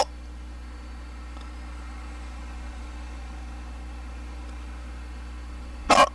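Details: Male hiccup: steady low room hum, then a single sudden, sharp hiccup at the end.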